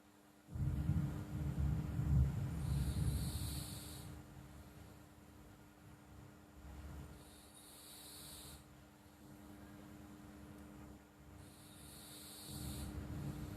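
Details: Sleeping cat snoring: low, rumbling snore-like breaths with soft hissing on each cycle; ordinary snoring.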